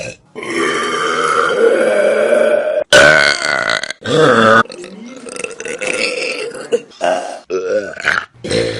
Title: Best Burps From Vine || #25 || August 2015